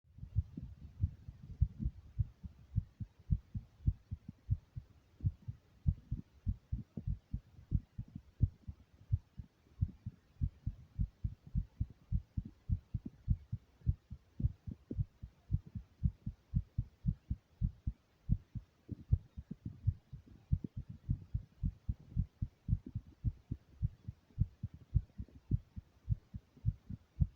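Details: First heartbeat recording: rapid, regular low heart thumps at about 105 to 110 beats a minute, with soft background hiss; heartbeat.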